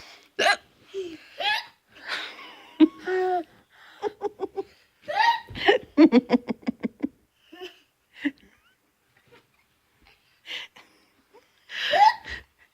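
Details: Bursts of laughter mixed with abrupt, sharp vocal hiccups in quick succession; hiccups amid laughing.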